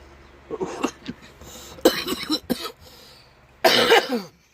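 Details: A few harsh, explosive coughs in short bursts from an adult who is vaping, after some low throat noises, in a quiet room. Finding: cough.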